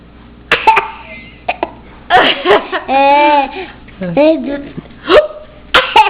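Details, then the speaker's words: Short, sharp gulping hiccups from a young boy at the dinner table, mixed with giggles and adult chatter; ordinary hiccups. "I heard that. That was a big hiccup. You're so funny with your hiccups."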